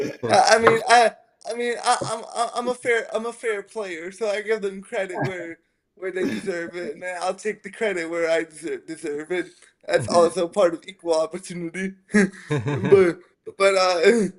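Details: Dysarthria in a 27-year-old man with spastic quadriplegic cerebral palsy from a brain injury at premature birth (born three months early as a triplet), affecting his motor function, balance and speech.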